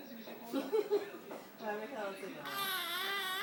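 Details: 7-week-old baby: short whimpers building into a sustained, wavering infant cry in a quiet room; hiccups are the stated theme of the recording.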